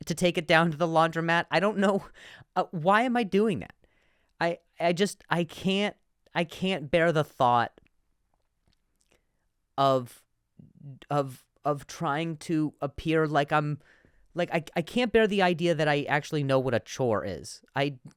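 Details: Stuttering in an adult male; he reports difficulty saying certain words on some days.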